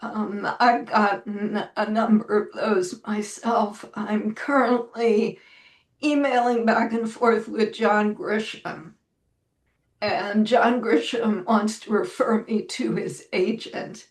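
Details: Woman with spasmodic dysphonia, self-reported; severity varies from day to day and she says this recording is on a not particularly good day; real, not acted; spasmodic dysphonia.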